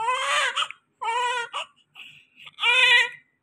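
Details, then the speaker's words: Newborn crying continuously at night and not settling: three loud, high-pitched wailing cries with short breaths between them. "आज night T है साब रोए जा रहे continue रो जा रहे चुप ही नहीं हो रहे पता नहीं कहां से रोता इतना आया भाई कितना रोते हो"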